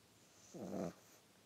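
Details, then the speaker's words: Boston Terrier snoring: a single low, rumbling, throaty snore under half a second against quiet room noise. "oh my God can you hear him snoring I don't know if you can hear"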